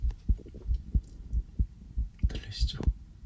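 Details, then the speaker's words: Person's own real heartbeat heard through a sensitive stethoscope, possibly slightly fast after just coming in from outside: regular soft thumping near 94 beats a minute with faint room noise; normal heart sounds. "제가 방금 밖에 나갔다 와가지고 심장이 조금 빨리 뛸 수도 있어요. 저도 제 심장 소리를 이렇게 크게 듣는 건 처음이네요."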